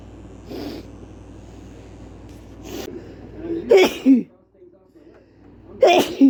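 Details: Male sneezing fit deliberately induced with chhikini powder: several sneezes in a row, each a sharp burst with a brief inhaled lead-in, over a low steady room hum.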